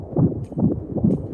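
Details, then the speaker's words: Very rapid, regular whooshing fetal heartbeat, about 130 a minute, heard by ultrasound Doppler at a pregnancy check-up with the gynecologist. "rapidisisísimo su corazón y se escucha así y las mamás es nuestra gran cita de amor porque lo escuchamos."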